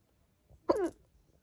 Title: #hiccups